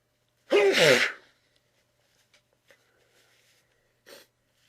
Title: Sneezing into tissues